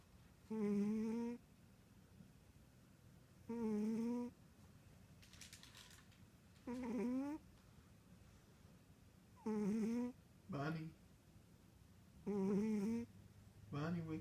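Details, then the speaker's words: Cat in deep sleep snoring: regular short, rough buzzing snores, about 21 breaths a minute, with quiet pauses between. "wake up. You're snoring again. Bonnie."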